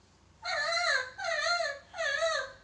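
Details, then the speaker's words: Newborn, possibly low birth weight, lifted suddenly during a newborn physical exam, gives three high-pitched cry bursts after the startle, showing the Moro reflex is present. "menangis ini tandanya refleks Moro ada"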